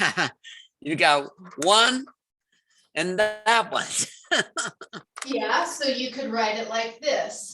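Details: Adult woman (therapist); Normal speech.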